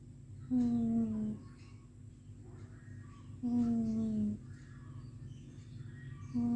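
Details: A cat snoring: a loud, droning snore on each breath, about 21 a minute, over a steady background hum.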